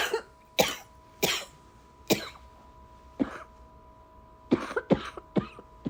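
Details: Run of about nine short, sharp coughs, single at first then a quick run, faint steady hum behind; coughing during a December cold.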